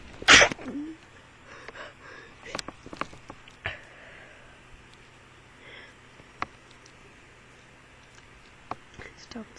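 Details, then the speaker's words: Hay fever sneezing: one loud, explosive sneeze followed by quiet breathing and small noises, part of a run of repeated sneezes. "basically I have to sneeze I know be sneezing a lot"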